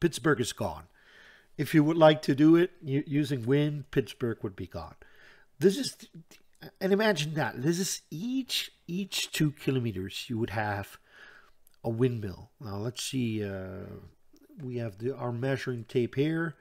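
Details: Adult Dutch man with self-reported persistent stuttering that he says is audible all the time, describing it as hanging up between his words; word repetitions heard; stuttering.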